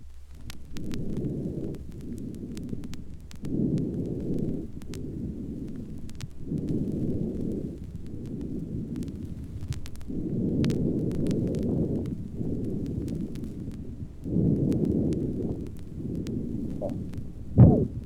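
Soft, even breath noise, roughly 18 breaths a minute, with no crackles or wheeze under old record hiss; normal breath sounds.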